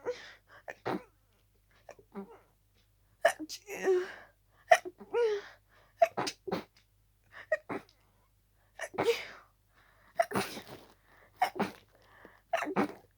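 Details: Harsh, rapid sneezing fit with a cold: about ten harsh sneezes in quick succession with short gasping breaths between, barely time to breathe between each sneeze.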